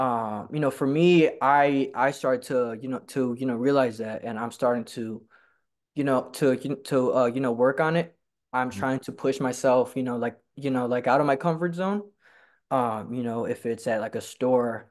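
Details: Real stuttering in a person who stutters and attends stuttering support-group meetings; stuttering.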